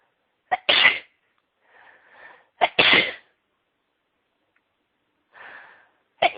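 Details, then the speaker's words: Woman's sneezing fit: three sharp, high-pitched sneezes about two seconds apart, each preceded by a quick intake, soft breaths between; repeated sneezing. "Let's see. Let's see. Can't stop sneezing. Let's sneeze again."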